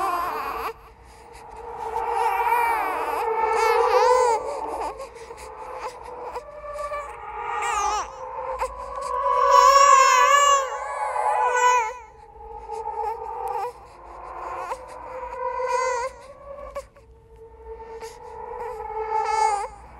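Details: Clip from a horror "ghost baby" sound-effect compilation: sustained high-pitched infant wailing with whimpering breaks, infant crying.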